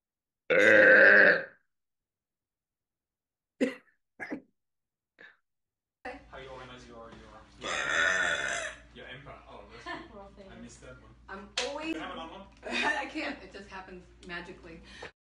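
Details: Deliberate burping: a loud, drawn-out voiced belch, then a few short belches and a stretch of mixed burping and voice sounds. Repeated burping.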